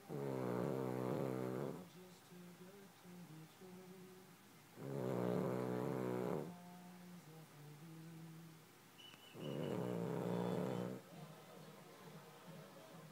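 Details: A sleeping dog snoring: three regular, low, vibrating snores on the in-breath, about 14 breaths a minute, with soft whistly out-breaths.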